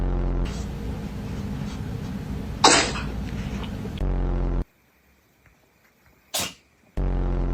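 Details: Two short, sharp sneezes from a cat, heard over a low steady hum and then near silence.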